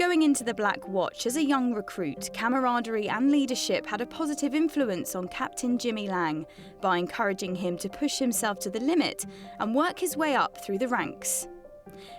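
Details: Adult female narrator; Fluent speech.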